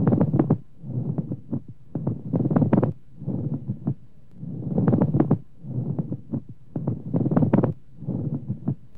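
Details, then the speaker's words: Loud, superficial creaking, grating bursts with each breath as inflamed, roughened pleural surfaces rub together, as in acute dry pleurisy: pleural friction rub. "the two inflamed and roughened surfaces of the pleura rub against each other and produce a creaking, grating sound termed as pleural rub or friction rub."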